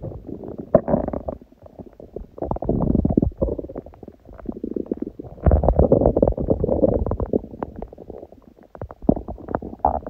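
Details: Recording of the uploader's own empty stomach growling (hunger borborygmi), long recording without especially prominent sounds: low rumbling and continuous rattling, bubbling gurgles that swell and fade.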